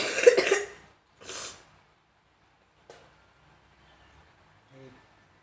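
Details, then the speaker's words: Two forceful effective coughs into a prepared container to bring up secretions, then quiet with a faint click and murmur. The adult male patient is coughing after chest physiotherapy and breathing exercises in an acted nursing demonstration. "Hai disini saya sudah menyiapkan wadah untuk batuk bapak Hai silakan batuk dan mengeluarkan kehamilan"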